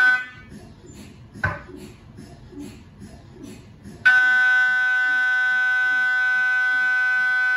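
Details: MRI scanner sounds recorded inside the scan room of a GE 1.5T or 3T system: soft rhythmic knocking pulses, then a loud continuous steady beep-like tone; normal MRI scanner noise during scanning.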